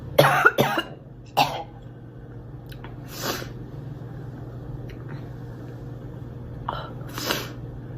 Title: Girl coughing 238